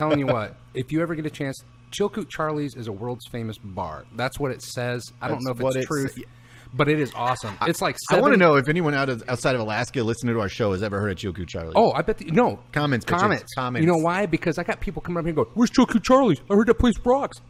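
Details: Adult podcast host; normal conversational speech.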